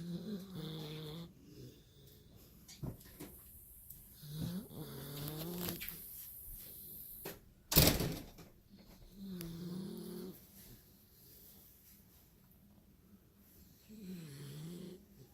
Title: Snoring away